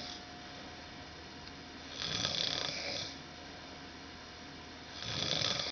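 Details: Snoring reportedly worsening later in the night; here two soft, hissing, rasping breaths about three seconds apart over a steady hum; light snoring.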